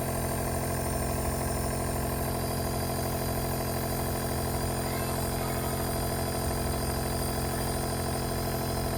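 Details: Compressor nebulizer treatment given by mom to a sneezing baby: steady mechanical hum with a rapid rattling buzz throughout, the nebulizer running.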